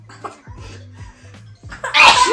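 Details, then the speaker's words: Newborn baby gives a single loud, forceful sneeze over soft background music; parent notes it is not allergy season: sneeze. "what is that noise wow a mighty sneeze if I do say so myself"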